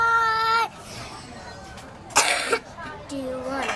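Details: Child singing "Do You Want to Build a Snowman": a sung note breaks off into a brief harsh cough burst, then the singing resumes.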